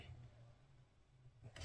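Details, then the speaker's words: Sleeping dog (Pixel) snoring with a low, steady rumble like a distant tractor engine, with a brief louder noise at the end. "Et je suis désolée si vous entendez un espèce de tracteur qui ronfle, mais c'est Pixel. Pour ne pas qu'elle aboie, j'ai fermé les volets, donc elle n'aboie pas, donc elle dort. Et quand elle dort, elle ronfle."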